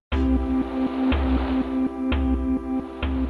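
Soft sustained ambient tones over a steady, gentle pulse: biomusic sonification of vital signs during a calm state.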